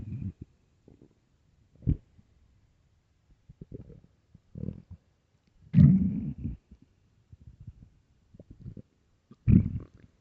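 Low irregular gurgling rumbles in scattered bursts, some longer and louder, from a hungry, bloated stomach; ordinary bowel sounds.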